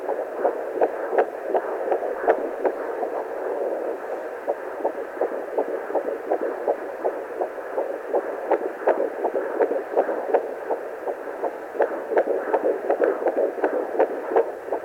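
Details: Fetal heartbeat at 12 weeks 3 days of pregnancy picked up with a handheld pocket fetal Doppler: rapid, regular whooshing pulses at about 165 a minute.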